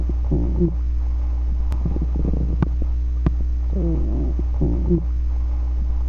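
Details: Several short bursts of gurgling, squeaky rumbling over a steady low hum and a few clicks: ordinary stomach growling (borborygmi).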